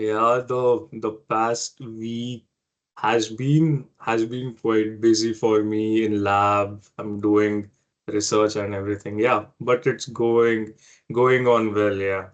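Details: Adult man who has stammered since early life, persisting into adulthood, in casual conversation; stuttering.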